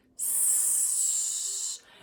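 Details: Speech therapy demonstration for lateral lisp: /s/ produced with lip protrusion approximating a non-lateralized sh, the "windy sound"; non-lateralized sh approximation.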